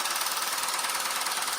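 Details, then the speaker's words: Low-intensity shockwave therapy at-home device applied to the side of the penis during treatment, painless, loud rapid steady mechanical pulsing like a small jackhammer. "So I have no pain on my penis right now, but I can't feel anything. All you guys can do is just hear how loud it is."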